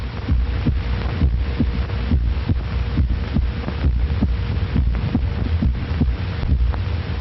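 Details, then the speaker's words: Regular low lub-dub heartbeat at about 70 a minute over a steady hum, from a 1937 educational film: one sound as the ventricles contract, a second as the exit valves shut; normal for an adult at rest. "There is one heart sound as the ventricles contract and a second when they relax and the exit valves snap shut."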